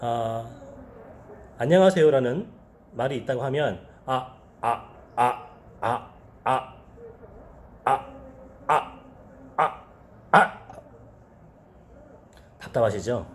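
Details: Speaker demonstrating, in Korean, his former stutter of 8 years that began in early elementary school and has since resolved: first-word blocks, repeated 'ah' sounds, gasping and whole-body effort; stuttering (blocks and repetitions), acted demonstration.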